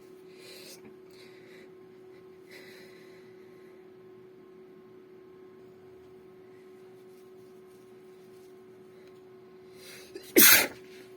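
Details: A single sharp, explosive sneeze after soft breaths in a quiet room with a steady hum; sneeze.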